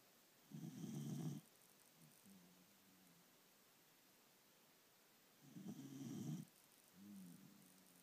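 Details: Snoring: two low rumbling snores on the in-breath, each followed by a softer whistling breath out, about every five seconds; ordinary snoring.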